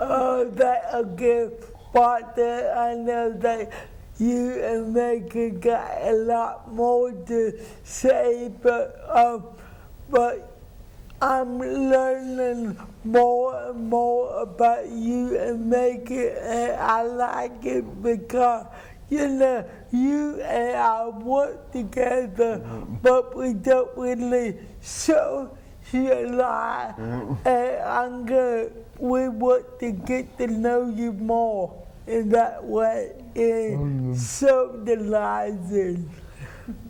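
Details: Adult woman with cerebral palsy since birth, who describes people not understanding her; dysarthria (cerebral palsy).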